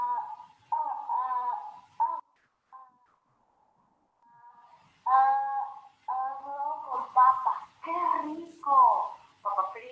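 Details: Child with developmental stuttering (dysfemia) using much force on each disfluency, unlike forceless repetitions; clip cut from a longer sample; stuttering with tense blocks.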